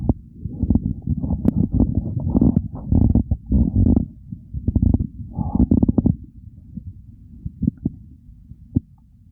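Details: Real stomach growling during hunger, from a recording following digestion from hunger to fullness and bloating: bursts of gurgling, rumbling and popping sounds fading toward the end; borborygmi.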